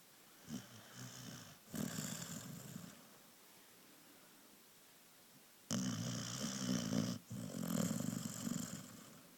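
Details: Sleeping springer dog, relaxed: rough, fluttering snores with nasal snorting on repeated breaths and a quiet gap between; snoring.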